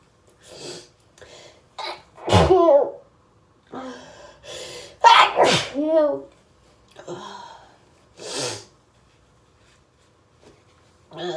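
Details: A run of sharp sneezes in close succession with gasping breaths between: a hay-fever sneezing fit that kept coming.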